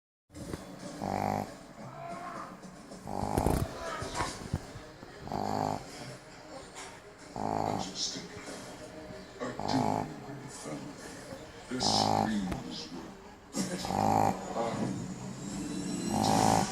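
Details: Pregnant pug snoring: snorting, rattling snores with uneven rhythm and wheezy squeaks against background noise, noisy snoring of a flat-faced dog.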